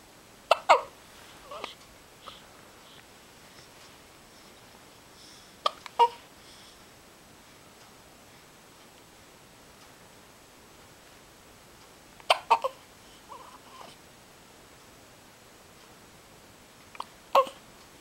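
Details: Isaac hiccuping: brief, sharp hic sounds recurring every few seconds, often in close pairs, in a quiet room; hiccups.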